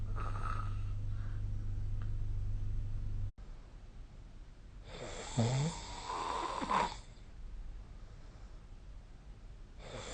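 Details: Sleep snoring recorded with the SnoreLab phone app; snoring.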